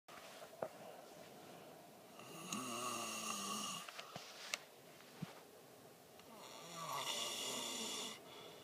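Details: Two long, harsh, whistling snores on breathing in, about 14 breaths a minute, with small background clicks; snoring during sleep, recorded 2013.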